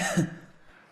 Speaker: did you hear how dry that was yeah this was more like clearing your throat almost like a like a like a tickle or something like that yeah and so you didn't really hear any of that rattling